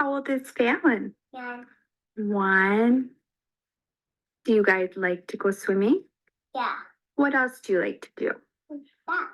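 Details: Little boy with childhood apraxia of speech, recorded before therapy; childhood apraxia of speech.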